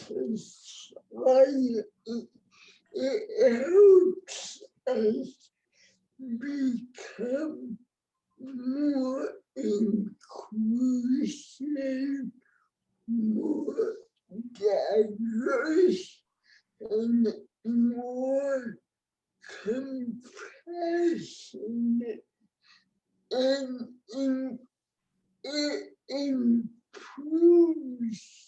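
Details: Adult woman with cerebral palsy, born before the ADA, with heavily affected speech; dysarthria (cerebral palsy).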